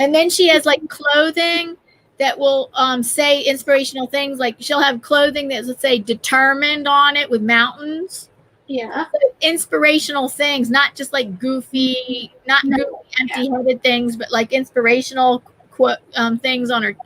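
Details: Adult female speaker; normal voice.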